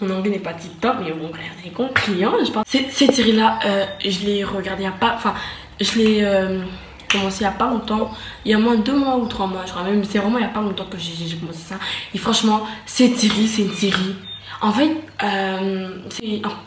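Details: Stuttering in a French-speaking woman who says she stutters.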